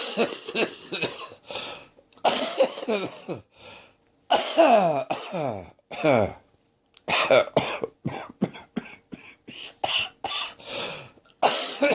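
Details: Throat infection cough: a prolonged fit of about twenty harsh, rasping coughs in quick runs, which left the person light-headed and near fainting by the end.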